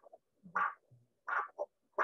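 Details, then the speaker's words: Rhythmic whooshing pulse bursts from a Doppler probe as blood flow returns in the instructor's arm while the blood pressure cuff is slowly released: Doppler arterial pulse signal on cuff deflation. "so now the pressure in the cuff has exceeded my blood pressure so blood cannot flow in the arm she's now going to slowly release the pressure from the cuff so you'll notice at that lower pressure then"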